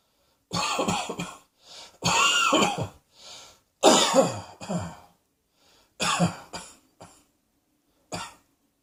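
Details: Cross-dressing adult coughing: a series of about seven harsh, irregular cough bursts separated by brief pauses and lighter throat-clearing sounds.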